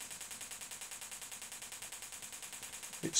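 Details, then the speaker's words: Extracorporeal shockwave therapy for Achilles tendinitis on a Gymna Shockmaster 300 with a 15 mm convex head at 3 bar and 10 Hz over gel: rapid, even clicking pulses, about ten a second, starting a 200-shock spot of a 2,000-shock treatment. "then we're going to start the treatment in spots of 200 shocks per area"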